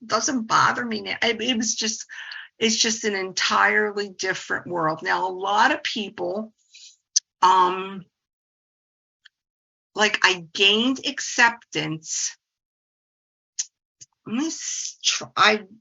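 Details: 68-year-old woman, a speech-language pathologist who stutters; stuttering.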